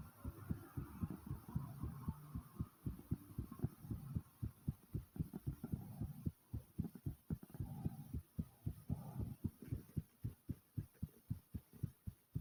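Fast, strong, regular low thumps of a heartbeat, roughly 110 beats a minute, after physical exertion.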